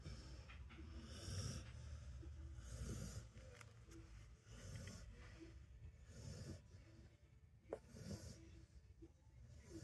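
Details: A sleeping dog snores in its favourite home, with soft, rhythmic, rattling breaths about every two seconds in a quiet room; ordinary relaxed snoring.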